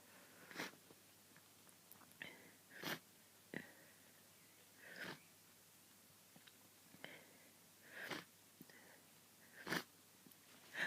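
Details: Hay fever sneezing fit leaving the person snotty; repeated short, hissing sneezes with quick intakes of breath, about eight in eleven seconds, in a quiet room.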